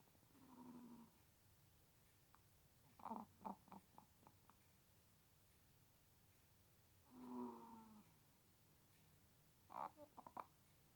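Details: Pet rooster snoring while asleep: soft buzzing snore-like breathing sounds broken by short clucking notes in a quiet room; snoring.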